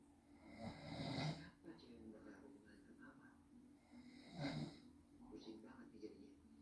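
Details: A father asleep, filmed by family because he doubted he snores: two loud, rattling inspiratory snores with quieter breathing between, quiet room; snoring.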